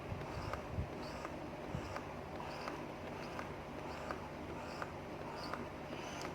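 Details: Spectra Q electric breast pump powered by power bank via USB, running in massage mode before switching to vacuum mode: soft quick rhythmic suction pulses with faint clicks over a low hum.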